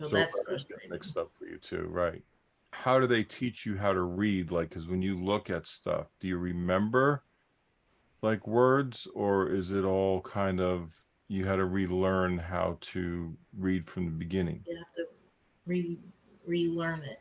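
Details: Adult male speaker in conversation; no disorder (host).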